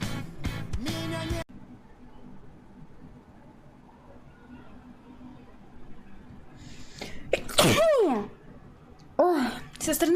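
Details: A woman's sharp, voiced sneeze with a quick intake of breath before it, after brief music.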